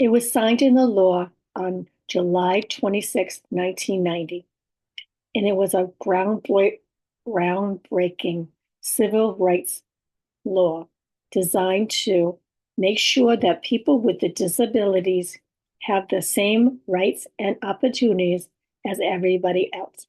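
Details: Adult woman with about six years of communication challenges who has aphasia, apraxia of speech and dysarthria, and whose speech is sometimes hard to understand; aphasia with apraxia of speech and dysarthria.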